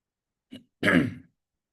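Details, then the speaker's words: Man with hoarse voice and throat inflammation gives a brief grunt, then one forceful, rough throat clear. "Maaf suara saya serak malam ini ya. Agak ee apa namanya? Ada radang."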